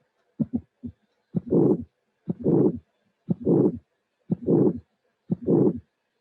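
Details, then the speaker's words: Simulated bicuspid aortic stenosis at 60 beats a minute: a high-frequency ejection click right after the first sound, then a harsh ejection murmur with a delayed peak, indicating severe stenosis. "but this is not the complete finding because then you will see the ejection murmur that is is the previous one a rush murmur but the apex is delayed if compared to the previous case so this will be a severe arctic stenosis"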